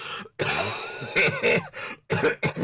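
A run of several harsh, dry coughs in quick succession, an asthmatic cough.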